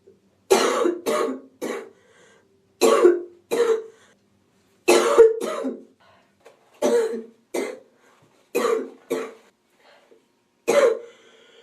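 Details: Woman sick with a cold: relentless harsh coughs in short runs of two or three with a faint wheezy edge; wheezy hacking cough.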